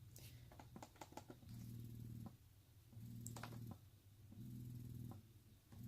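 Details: Spectra S2 electric breast pump in its suction cycle: a low, steady motor hum in repeated cycles of about a second each, with soft clicks between.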